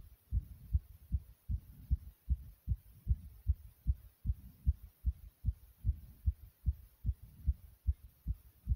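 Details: Regular paired heart thumps at about 75 beats a minute after various exercises, described by the person as beating very quickly; a steady, ordinary rhythm, quicker than resting.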